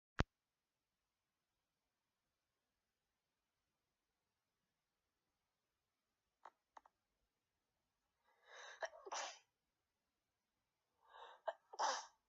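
After a quiet stretch, a few short stifled sneezes, the last two in fuller bursts; ordinary sneezing.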